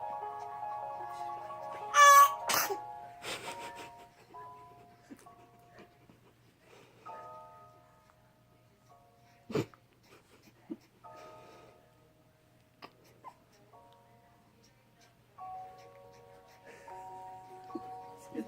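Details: Infant sneeze: a high, squeaky rising sound, then a sudden burst, over soft background music.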